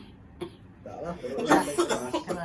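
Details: An adult with a persistent, nonstop cough and back pain spreading to the abdomen gives harsh, forceful coughs mixed with voiced, strained sounds during egg nerve therapy.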